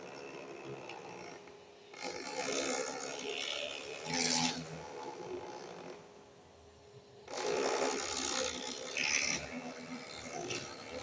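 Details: Bursts of whirring, rattling printer noise separated by quieter gaps, with faint music behind; a portable Zoncare ECG machine printing a report on ECG paper during a demonstration.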